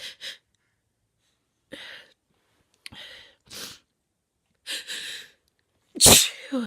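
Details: Sneezing with a head cold after trying Chhinkni: several gasping in-breaths build up to one forceful, explosive sneeze with a trailing breath; baby noises may be heard in the background.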